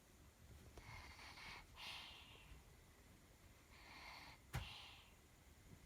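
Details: Snoring in a sleeping baby girl, her first time snoring: soft, noisy nasal breathing with light snorting in a quiet room, about two breaths heard.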